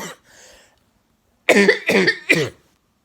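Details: Adult with a chronic cough recurring yearly for five years, lasting 6 to 9 months each time, this year milder since starting medication: a breath, then three quick, loose coughs in a row.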